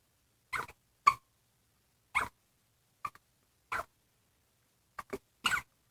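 Short, sharp, voiced bursts, several in quick pairs, about eight in six seconds against silence; hiccups.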